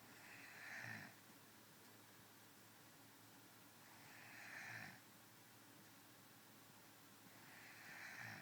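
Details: Adult woman snoring while asleep: rhythmic rasping snores on each breath, about 16 a minute, over steady room noise; ordinary snoring.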